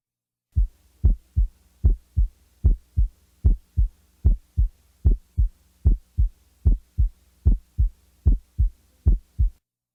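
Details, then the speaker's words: Split first heart sound, steady heartbeat about 75/min with S1 heard as two close components, played for comparison with an S4: split first heart sound. "now compare the timing and quality of the S4 with that of a split first sound first the S4 and now the split first"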